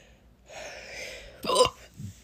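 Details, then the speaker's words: Young person crying over hiccups, their fourth bout today; their doctor said hiccups would settle after puberty. A soft breathy intake ends in one abrupt hiccup, then a faint low sound. "you know this is the fourth time i've had hiccups today and i'm crying about it because it's not that fun"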